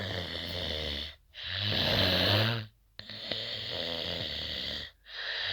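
Loud, rough, rattling snores on long breaths with brief quiet pauses between them; heavy snoring.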